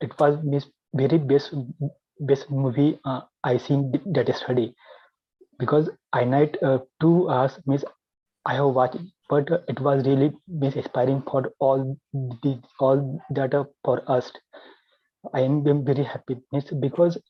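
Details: Adult man with stuttering since childhood, treated with therapy in 2010, still working to overcome his stammering and recently recovering from COVID-19; real.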